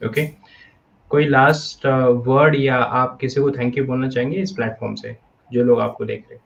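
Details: Adult male speaker; normal speech.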